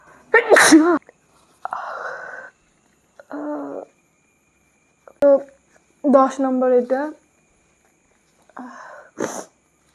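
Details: Sneezing challenge: several loud sneezes with sharp bursts of air and voiced "ah-choo" sounds, separated by brief pauses; ordinary sneezing.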